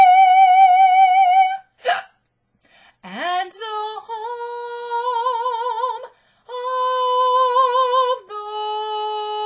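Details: Adult woman with hiccups while singing the US national anthem for an audition: sustained sung notes are broken by a sudden sharp gulping catch in the voice, with abrupt breaks between phrases.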